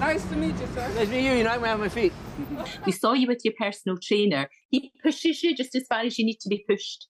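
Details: Adult speakers in conversation; ordinary speech.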